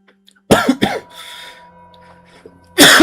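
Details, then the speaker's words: Adult male, recently sick with a lingering cough; three harsh cough bursts, two close together then one after a pause, over faint background music, followed by chest pain from coughing. "sorry guys. Really sorry about that. Oh man. Oh, that hurt my chest."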